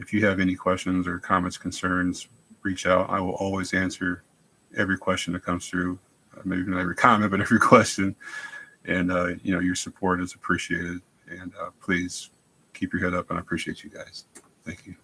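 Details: 43-year-old man with multiple system atrophy (mainly MSA-P with some cerebellar features), about 2 years after symptom onset; reports all-day slurring, present now, worse with anxiety, recent croaky voice change; dysarthria (slurred speech) in multiple system atrophy.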